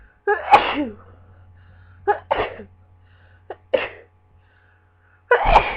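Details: Person with a lingering cold having a sneezing fit at work: four or five explosive sneezes in quick succession, some with a short in-breath before; sneezing.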